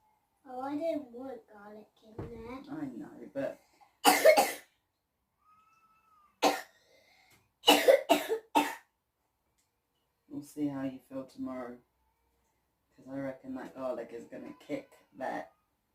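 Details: Two clusters of harsh, loud coughs, about six bursts in all, between stretches of a child's speech-like sounds; the children keep waking up at night with this horrible cough.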